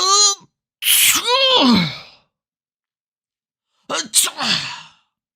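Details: Two separate sneezes, each a sharp inhaled build-up and explosive burst of air with silence between, from a sneeze sound collection of different people; sneeze.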